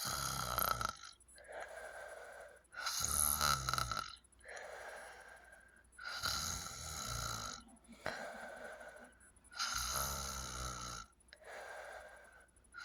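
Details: Loud, rattling snores on each in-breath with softer noisy out-breaths in a person with sleep apnea; loud snoring with obstructive sleep apnea.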